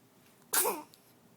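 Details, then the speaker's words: A young child gives one big sneeze, then is told "bless you". "Bless you, buddy. That was a big one. Bless you."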